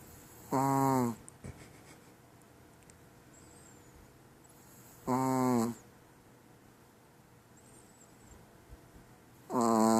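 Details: Female chihuahua snoring during sleep: loud, buzzing snores recurring about every four to five seconds with quiet pauses between, ordinary snoring.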